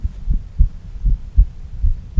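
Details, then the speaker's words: Split heart sound with phonocardiograph: a third sound within a 0.8-second cycle. "now listen did you hear it yes there's a third sound in there it all happens in 0.8 of a second it's very very quick in there"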